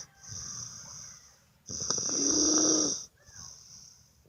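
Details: Person snoring in a hotel: breathy, whistling breaths with one longer rasping snore in the middle over a steady high hiss; snoring.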